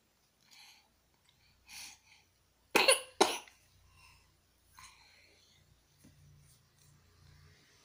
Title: batuk